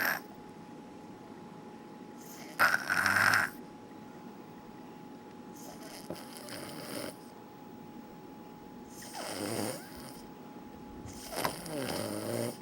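Several short snorting, wheezy breath sounds, one sharp snort among them, over steady room hum; snoring-type noisy breathing.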